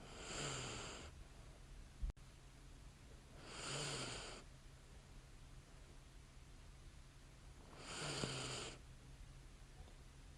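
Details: Light snoring from a woman sleeping soundly in bed: soft, regular snoring breaths about every four seconds with a low rumble and airy hiss on each breath.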